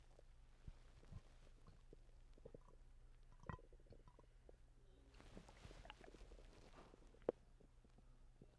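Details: Stomach rumbling from someone recently sick and vomiting: soft gurgles and scattered low rumbles with occasional sharper pops over a steady low hum.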